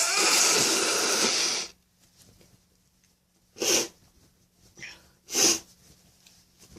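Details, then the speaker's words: A sneezing fit on a night with a very runny nose: one long forceful sneeze, then two more sharp sneezes with a sniff between. "Oh, bless me. Oh, my nose is so runny tonight."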